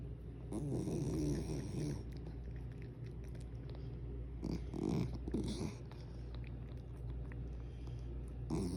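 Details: A sleeping dog snoring: low, rumbling, breathy bursts every few seconds over a steady hum of room noise.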